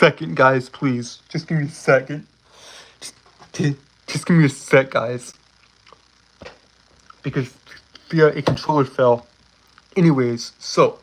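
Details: Male streamer with a self-reported speech impediment, a stutter, with repeated words and fillers: stuttering.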